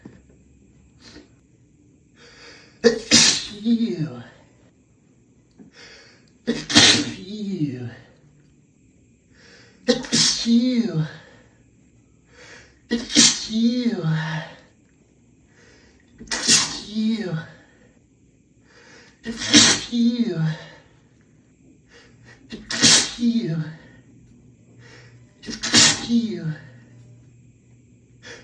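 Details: Adult male sneezing fit after a shower, allergies flared by hotel soap fragrance: eight forceful sneezes in quick succession about three seconds apart.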